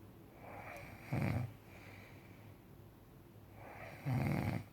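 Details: Adult male asleep: two rough, rattling inhaled snores about three seconds apart, with quieter breathing between; ordinary snoring.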